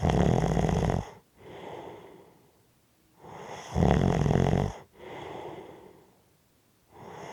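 Loud, rattling snores on each breath in, alternating with softer airy breaths out, roughly twenty breaths a minute.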